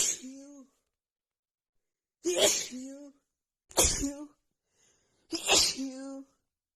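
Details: Hay fever sneezing fit: four forceful sneezes in rapid, nonstop succession, each with a voiced cry.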